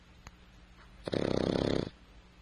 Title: Snore dog